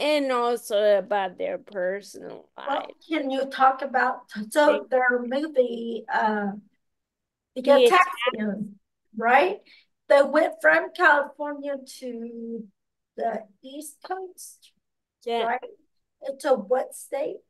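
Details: Ataxic dysarthria in an adult with ataxia who reports speech difficulty and a lot of self-directed practice on pronouncing words.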